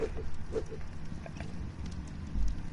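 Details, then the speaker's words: Stomach growling from a man who has not eaten all day: low, rolling rumble with a few brief gurgling bursts, faint over room noise. "Sorry, that is the sound of my stomach growling, if you can hear that. It's not very happy with me. I haven't eaten today."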